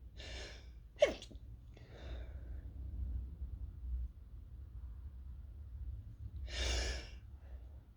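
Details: Sick person with sore throat, sneezy after toasting chili peppers that tore up the throat, trying to stifle: a soft partly stifled sneeze with a sharp burst, then a fuller sneeze over low room rumble.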